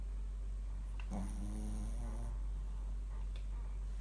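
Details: Snoring from a sleeping Shih Tzu dog.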